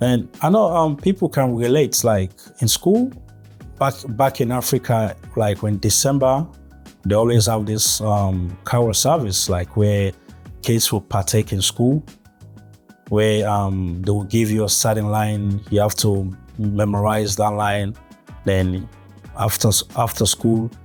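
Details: Adult male with stuttering since early childhood, with blocks and gaps between words; real stuttering.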